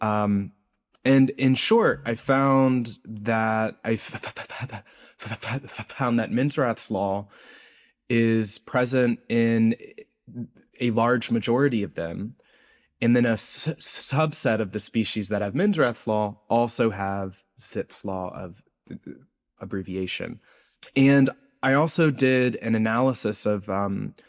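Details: Adult male postdoctoral researcher, self-reported speech impediment audible throughout an interview; speech impediment (stutter-like disfluency).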